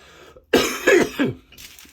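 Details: An adult gives a burst of three quick coughs in a small room in the morning, while the body is still clearing congestion.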